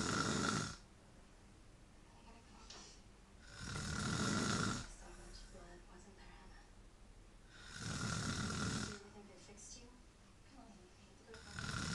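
Loud rough snores on each breath in, about 15 a minute, with quiet pauses between; snoring.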